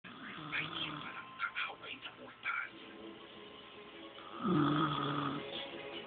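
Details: Grandmother asleep, snoring louder than she believed: low buzzing snore-like breaths with background chatter and music; snoring during sleep.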